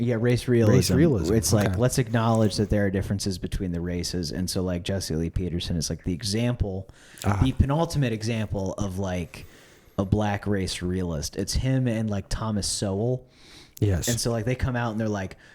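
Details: Adult male speaker; normal speech.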